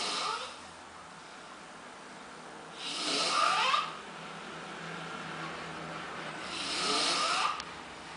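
Loud rasping breaths about every four seconds, roughly 16 a minute, in a quiet room: snoring during sleep.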